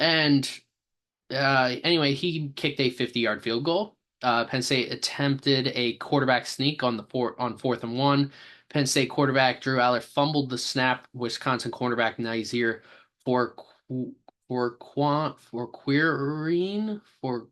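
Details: Male speaker who says he has a stammer, with part-word or word repetitions ("for for for"); stuttering.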